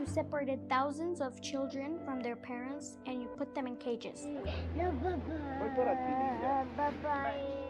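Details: Adult speaker over background music; ordinary speech.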